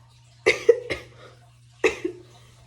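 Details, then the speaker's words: Dry, irritated cough an adult woman with hyperthyroidism has during recovery from her thyroid treatment; she describes it as a petty, fake-sounding cough from throat irritation that worsens the more she talks. "like my throat like throughout this video you kind of see me coughing or like i don't know how to explain it like it's like a real petty like fake i feel like it sounds like a fake cough"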